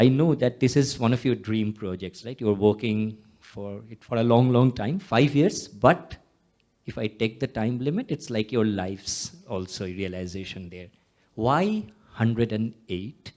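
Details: Adult male speaker; Normal voice.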